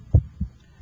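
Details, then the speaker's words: Normal first and second heart sounds heard with the stethoscope over the PMI (apex) while the radial pulse times S1: one beat with a louder first sound, a softer second sound and no gallops. "I can hear your first heart sound and I can hear the second heart sound"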